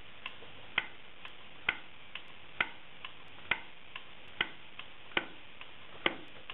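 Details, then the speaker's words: Repeated sharp clicks about once a second, alternating louder and softer, from an automatic Dermojet needle-free jet injector test-fired empty to check pressure before use. "okay when you hear this do noise it's okay you can use it"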